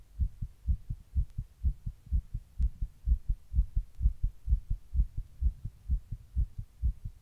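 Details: Rapid, regular paired heart thumps at about 125 beats a minute, recorded while sitting in 100-degree heat during a heatwave; tachycardia.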